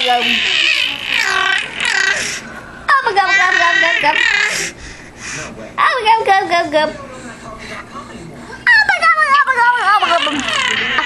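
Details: Infant vocalizing: bursts of high-pitched fussing and gurgling sounds in a small room; ordinary baby vocalizing.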